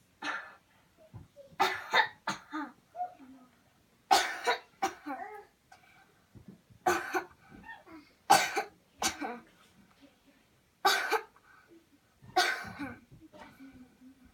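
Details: Demonstration of a cleansing-healing coughing technique: series of about eight deliberate, forceful voluntary coughs in short bursts with breaths between.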